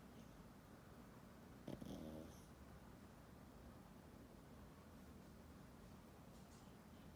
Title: Pug.......Diesel snoring away.